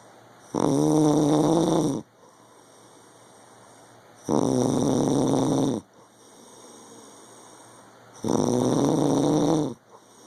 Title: My ARMY husband UGH SNORING